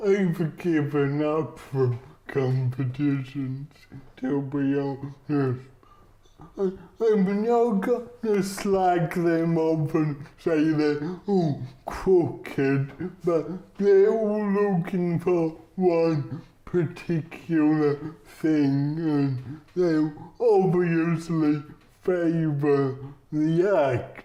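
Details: Adult male comedian with cerebral palsy; dysarthria (cerebral palsy).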